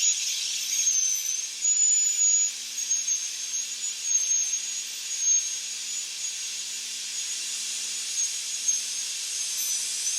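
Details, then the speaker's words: High-speed dental drill during a Class II mesio-occlusal amalgam cavity preparation on a natural tooth with the facial portion removed. The bur is aligned over the central fossa and cut to depth. Steady high-pitched whine with brief dips as it cuts. "the operator aligns the Burr over the central fossa obtains depth just into"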